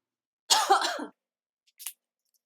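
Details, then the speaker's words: One harsh, wet cough burst, then a faint short throat sound, from someone choking on something unknown while talking during a makeup tutorial; cough. "And I'm not crying. I'm currently choking on something and I don't know what it is."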